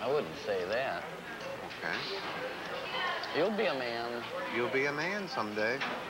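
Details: Adult speaker; typical speech.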